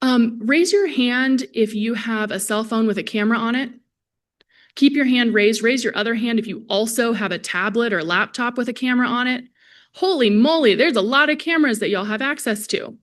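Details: Adult woman presenter; typical speech.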